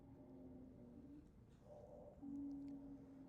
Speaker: Now these sounds the we're going to go through the breath sounds such as wheezes is going to be high pitch continuous sounds. You're going to hear this in asthma COPD.